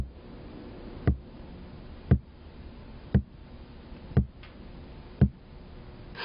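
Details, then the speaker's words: Korotkoff sounds through a stethoscope diaphragm over the brachial artery as the blood pressure cuff deflates: regular soft low thumps about 58 a minute, with the last sound marking the diastolic reading. "note the reading when you hear the last karatov sound it will sound like this this is the diastolic reading"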